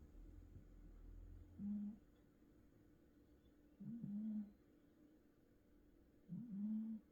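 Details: Cat snoring, described as very loud.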